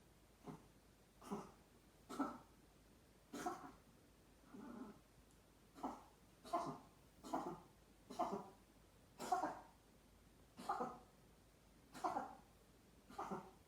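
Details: Cat coughing episode, cat being taken to the hospital; owner blames pollen and fine dust: about eleven short, soft, husky coughs, evenly spaced, over roughly fourteen seconds.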